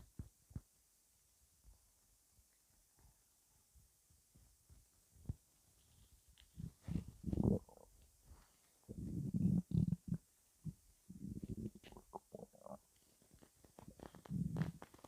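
Irregular low gurgles and rumbles with clicks and quiet gaps between them; ordinary stomach rumbling.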